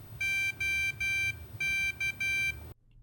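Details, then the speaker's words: Infusion pump for IV Remodulin (pulmonary arterial hypertension), cassette just locked in: series of high electronic beeps on soft-pressing the power button, the normal start-up signal before programming the dose. "Soft press it and the pump will come on and you will hear a series of beeps."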